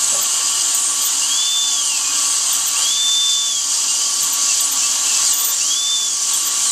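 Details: Dental drill during a bonded white (tooth-colored resin) filling: a loud, steady high-pitched whine with hissing air and water spray, the pitch sagging briefly as it cuts into the tooth.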